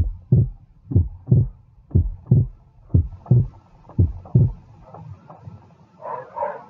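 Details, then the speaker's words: Physiological splitting of the second heart sound on inspiration, the pulmonary component delayed by greater venous return; regular normal heart sounds at about 60 beats a minute in normal cardiac auscultation. "estão juntinhos já na inspiração o componente pulmonar que tem um certo atraso e esse atraso é o chamado de desdobramento fisiológico de segunda bulha que é representada pela expressão tra e assim esse desdobramento ele é ele resulta de um maior retorno venoso provocado pela pressão negativa intratorácica vamos ouvir"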